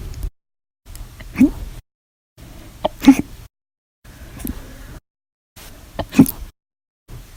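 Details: Short, sharp catching sounds about every 1.5 seconds, roughly 19 a minute, with quiet gaps; violent, loud hiccups, audio only; repeated hiccups.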